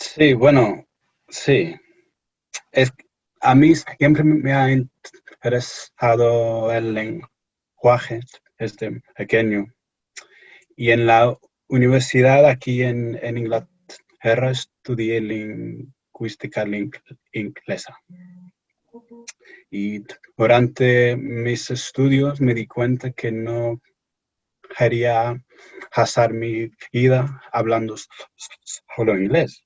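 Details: Stuttering in an adult English-born man speaking Spanish as a second language, who says his stutter complicated language learning.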